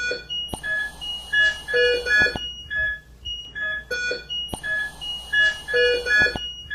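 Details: ICU monitor/ventilator alarm at the bedside of an organophosphate poisoning patient on ventilator support receiving atropine injection and lavage: overlapping electronic alarm tones and beeps repeating in a steady pattern.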